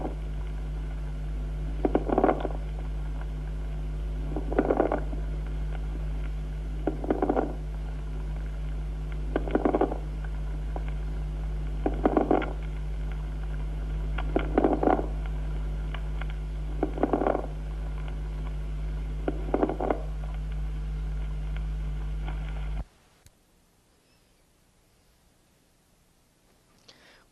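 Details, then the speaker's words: Medium and coarse bubbling rales with tubular (bronchial) breath sound, consonant rales as in pneumonia; repeated breaths at about 24 a minute with bubbling, popping crackles over a low hum: medium and coarse crackles. "a continuación estertores de burbuja mediana y gruesa también con soplo tubario"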